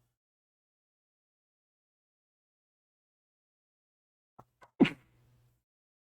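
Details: Single sharp sneeze, preceded by two brief catches of breath, after a long quiet stretch. Heard in the background of a physics lecture.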